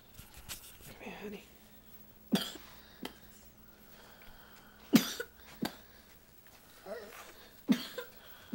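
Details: Child's cough: about five short, sharp coughs spread over several seconds in a quiet room, recorded on a Flip Video camcorder.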